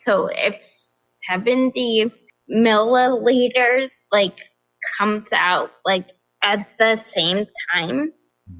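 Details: Adult woman with progressive ataxia of still-undiagnosed type despite many genetic tests, onset at age 26, affecting balance, speech and causing nerve pain, primarily a wheelchair user, also severe anxiety and depression; ataxic dysarthria.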